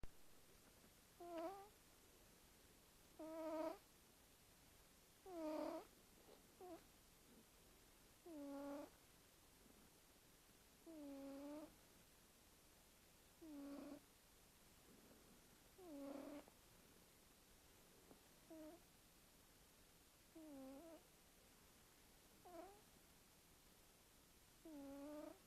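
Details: Cat snoring: squeaky, whistling snores in short bursts, about 29 a minute, with quiet gaps between.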